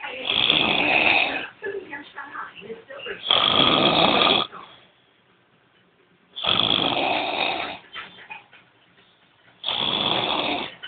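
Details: Loud, harsh, rattling snores in four long bursts about every three seconds with quiet gaps, keeping the listener awake; snoring.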